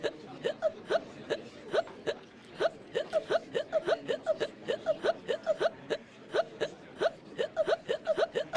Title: Conker Drunk Hiccups (2#)